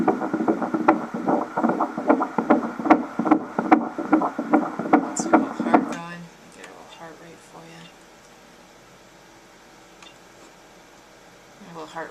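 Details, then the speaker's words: Doppler fetal heartbeat during a 21-week ultrasound of a female fetus: rapid, regular whooshing beats fading out midway, rate 153, within the stated normal range of 120 to 170; normal fetal heart rate. "153 which is fine they range anywhere between 120 to 170 so she is doing good"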